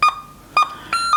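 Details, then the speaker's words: Defibrillator training in a critical care nursing skills lab: quick, closely spaced monitor beeps from a simulator at a heart rate above 100 per minute, showing sinus tachycardia. "kemudian yang sering muncul juga pada pasien ini adalah gambaran ini Regita semakin cepat ratenya yaitu denyutannya nih ini HTML tingkat diatas 100 ini apa sinus takikardi"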